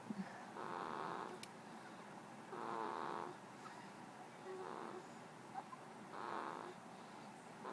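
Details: Two-week-old baby boy snoring in sleep: soft, rhythmic snoring, about 30 breaths a minute, with a mild rattle on each breath; faint room noise.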